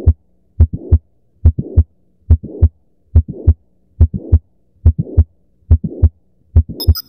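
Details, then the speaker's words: Heart sound at the apex, fifth intercostal space at the midclavicular line: regular heartbeat near 71 a minute with a click and a late systolic murmur after the first sound. Mitral valve prolapse. "this oscilation point is best for hearing the mitro valve closure and murmurs like mitro stenosis and the sound of mitro valve prolapse"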